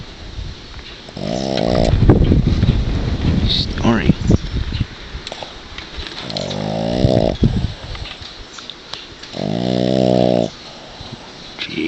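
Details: Dog worn out from too much playing in the yard, asleep in his owner's arms: loud, low droning snores about every four seconds, each roughly a second long, over room noise and talking; snoring.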